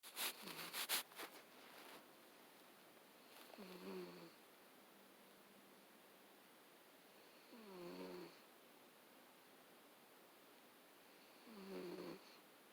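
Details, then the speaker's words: Sleeping cat, Mr. Biggs, snoring with a drawn-out, tonal, person-like snore about every four seconds, roughly 15 per minute. "This cat sounds like a person snoring."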